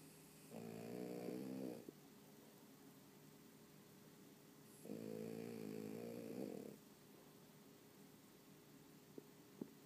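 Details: Snoring: two long, buzzing, vibrating snores on the in-breath about four seconds apart, with a steady background hum.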